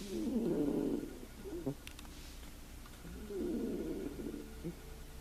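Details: Fat Blue Russian cat napping in deep sleep: two soft, buzzing snores separated by a quiet pause over a low background hum; snoring.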